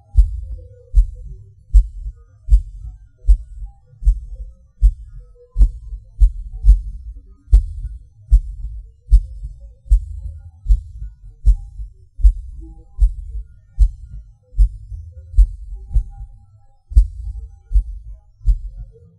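Thudding heartbeat around 77 a minute with an uneven rhythm: early extra beats and pauses, fitting premature contractions.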